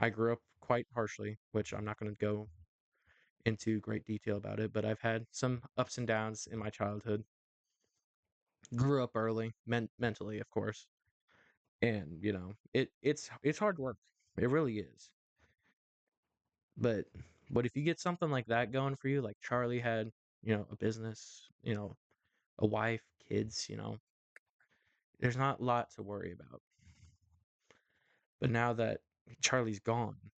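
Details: Adult male host who says his stuttering is worse when talking in front of a camera or to someone important; repetitions are audible; stuttering.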